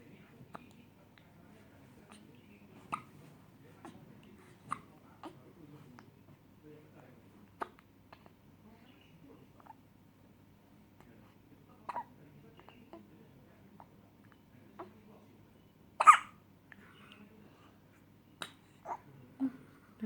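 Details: Infant's hiccups: small sharp catches and one louder catch in a quiet room, a common harmless event in babies.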